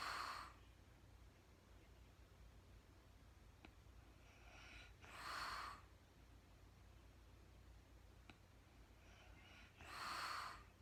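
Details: Soft, airy snorting breaths about every five seconds over a steady room hum from a woman sleeping in real time after being super tired; light snoring.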